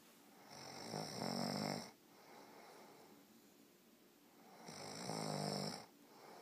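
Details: Two rattling snores on breathing in, about four seconds apart, with quiet breathing between; regular snoring.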